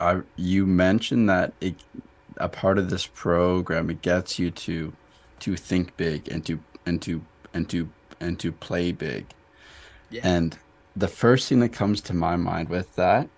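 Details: Adult who stutters; stuttering with part-word and phrase repetitions.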